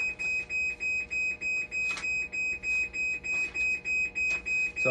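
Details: Haemodialysis machine alarm showing "5 volt, level detector always failed" fault: rapid regular high-pitched beeping, about 200 a minute.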